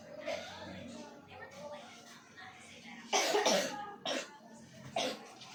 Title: Dry Coughing Problem Solve in 1 session